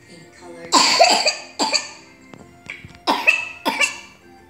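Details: Dry coughing fit from a vaccinated 4-year-old boy with swab-confirmed whooping cough (pertussis), day 3 of antibiotics, no fever, fits about 5 times an hour: four harsh, dry coughs in quick pairs.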